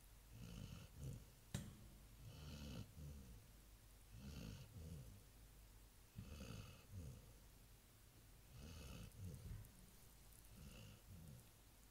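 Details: Labrador dog snoring in its usual nightly sleep: rhythmic, low, rattling snores, about six in twelve seconds, with quieter breathing in between.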